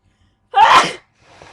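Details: Sneeze caught on webcam: a single loud, explosive sneeze with a sharp burst of air, then a faint breath.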